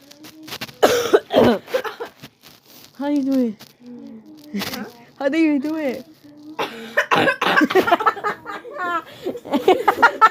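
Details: Several voiced, squeaky, high-pitched cough bursts from a girl (the speaker's sister), amid laughter and talk.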